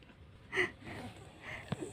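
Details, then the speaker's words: Snoring from a sleeping cat, perhaps from tiredness: loud snoring sounds during sleep. "Papa Cimot ngorok, Guys. Tidurnya kecapekan apa ya?"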